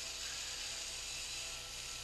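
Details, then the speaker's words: Surgical otologic drill during right tympanoplasty on a 10-year-old girl with complete eardrum perforation from a Q-tip injury: steady high-pitched whirring while drilling down cartilage and bone to widen the ear canal. "Now, one of the things with this cartilage, see, we can actually drill down some of this cartilage here, and you can see there's actually bone underneath it."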